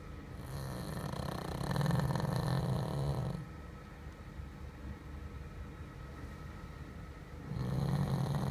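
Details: Dog snoring in deep sleep: low rattling snore on the in-breath, a few seconds long, then a quiet pause before the next.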